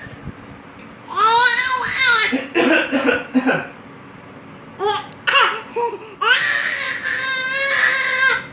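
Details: Eight-month-old baby boy copying his dad's cough: playful voiced squeals and short cough-like bursts, imitated rather than true cough.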